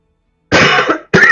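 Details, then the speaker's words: Adult woman who has been having coughing fits gives two harsh, forceful coughs in quick succession after a moment of silence; she describes her cough as whooping, like a dying hyena. "I will try and not blow up your ears with a whooping cough that sounds like a dying hyena but no promises though"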